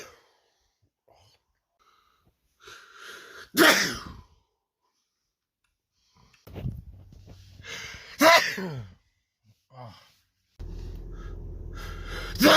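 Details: Bearded man sneezing very loudly: two explosive sneezes, each preceded by a brief inhaled build-up, with short vocal sounds between.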